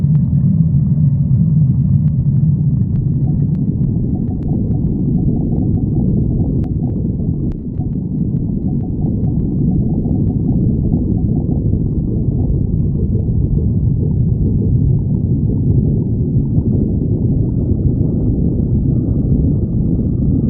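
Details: Stomach growling (borborygmi) from Sticks the badger, recording 37: a continuous low gurgling rumble from the belly as gas and fluid move through the gut.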